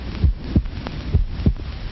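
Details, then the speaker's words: Human heartbeat picked up electrically and strongly amplified, from a 1937 film: deep, regular paired thumps over a steady hum, roughly 70 to 80 beats a minute, a normal-sounding heartbeat. "it is the sound of a human heart which science can amplify a million times, just as sound can be amplified by measuring instruments in factories to make sure that gears are smooth."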